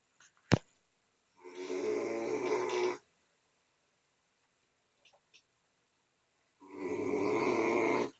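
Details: Snoring while sleeping in a chair: two long, rough, rumbling snores on the in-breath, with silence between; loud snoring.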